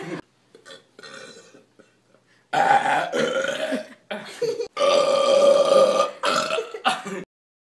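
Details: Person burping: a few soft sounds, then a series of loud, long, rumbling burps; repeated large belches.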